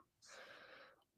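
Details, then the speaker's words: Pet dog asleep next to a computer: a single noisy, hissing breath with a rough, snorting quality; dog snoring. "Ah, is your dog snoring next to the the computer? >> Can you hear Can you actually hear my dog snoring, dude? I'll I'll move him."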